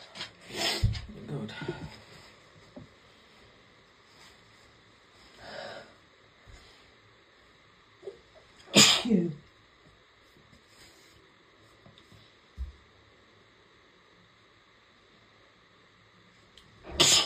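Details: Mother sneezing: three forceful explosive sneezes spread across quiet stretches, with faint background sounds; sneezing.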